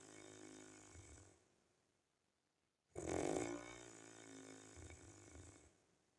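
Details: Two noisy, rumbling snores during sleep, the second sharper and louder, separated by a silent pause; a real recording of the uploader's own snoring.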